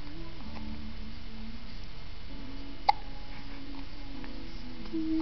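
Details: Two-month-old infant with hiccups, smiling and cooing: a single sharp, brief hiccup against steady background music.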